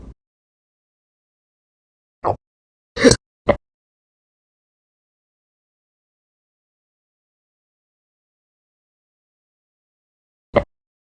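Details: Hiccups that come after breakfast, lunch or every meal over several days: short abrupt gulping sounds, four to five over about eleven seconds, separated by silence.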